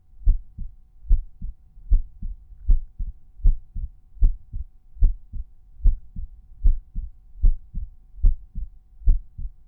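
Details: Resting heartbeat recorded at the tricuspid auscultation point, with volume normalized for each point; normal heart sounds.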